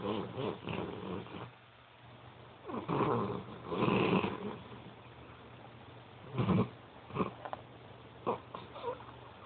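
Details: Animal snoring loudly while asleep: slow, irregular rumbling snores, about three or four breaths, over low room hum. Snoring.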